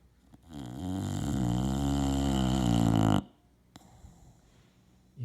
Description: Hunter my 3yr old English Bulldog having an awesome sleep snoring up a storm.